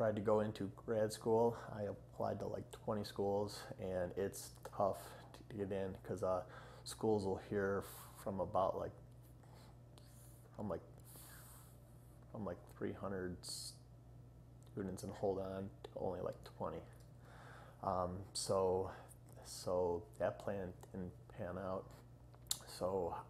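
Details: 30-year-old man who has stuttered all his life, after 25 years of speech therapy, recorded before a two-week Hollins Communication Research Institute fluency program; stuttering.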